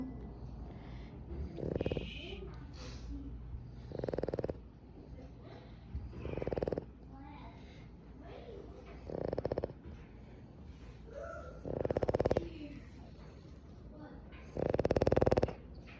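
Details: Six rough snoring bursts over 16 seconds, about 22 a minute and growing louder, from a sleeping Boston Terrier dog, later woken by the voices; low room noise between; snoring.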